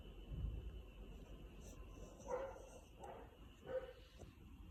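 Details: Husky wolfdog hiccuping: three brief, sharp voiced jerks roughly one second apart over a quiet background; hiccups.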